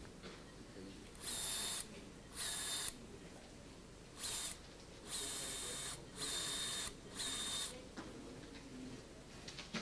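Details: Several short high-pitched whirring bursts of one to two seconds: powered drill during live all-arthroscopic PCL reconstruction/augmentation and root repair of the knee in a multiply injured patient.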